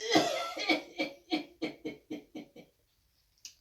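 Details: Acted, simulated bout of about eight quick coughs in a row by a passenger in a taxi, fading in strength, then a brief breath.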